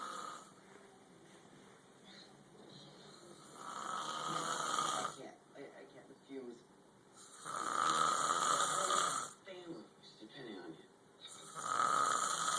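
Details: Roommate sleeping after a night out at a bar, with loud snoring audible down the hall: harsh, rattling snores on each breath in, separated by quieter breathing.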